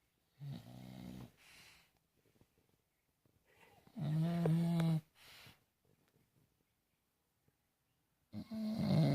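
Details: English bulldog asleep: loud, rumbling snores with soft whistling out-breaths, about 13 breaths a minute; heavy snoring typical of a flat-faced dog.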